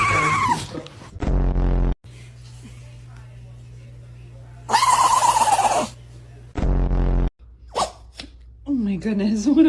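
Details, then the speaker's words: Dog sneezing: sudden snorting bursts amid people's laughter and a steady background hum. "a big sneeze. A poor little buddy."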